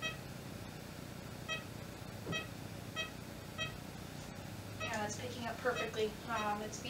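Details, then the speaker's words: Slow ECG monitor beeps with slightly uneven spacing in a calm female animal restrained by her owner, heart rate picking up slightly with breathing: sinus arrhythmia. "you can hear a little bit of a difference in our heart rate the sinus arhythmia is showing a little bit as it'll her heart rate will pick up a little bit as she breathes"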